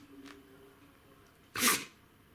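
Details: A dog sneezing: a single sharp, hissing burst of air after a quiet room, a sneeze.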